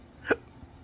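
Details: Man with chronic, intractable hiccups unresponsive to known treatments, speaking about losing his acting and surgical tech careers: a single sharp, abrupt hiccup.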